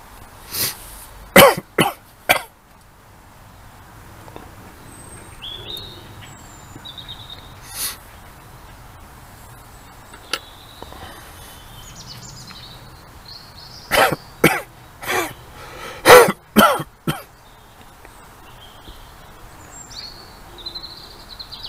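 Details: Short dry-sounding coughs in clusters from an adult with COVID-19, with faint high chirps in the background; COVID-19 cough.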